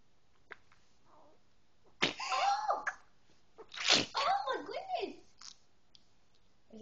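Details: Child with trisomy 18 sneezes with great effort: two sharp, breathy, mouse-like sneeze bursts with a short vocal catch, separated by a quiet inhale.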